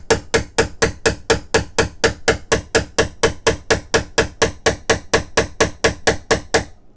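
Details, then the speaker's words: Rotator cuff suture anchor repair demonstration: sharp, regular, slightly ringing mallet taps, about two per second, driving a punch into bone to make the socket for a knotless suture anchor. "we're gonna tap that into the bone and so I'm going to hold this down once again and we'll get this tapped down this is take a few more hits here"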